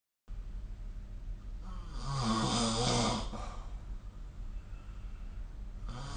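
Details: Adult snoring recorded with the SnoreLab app: one long, rough snore on an in-breath, rising and fading over a few seconds, followed by quieter breathing.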